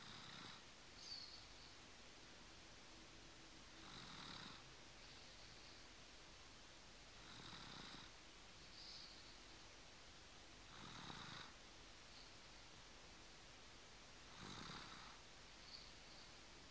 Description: 26 months old and snoring